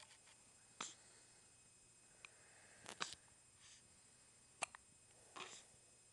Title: Baby with hiccups